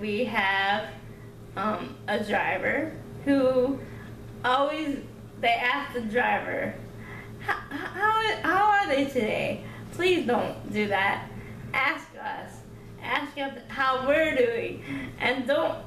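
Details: Dysarthria in an adult woman with cerebral palsy who is able to talk.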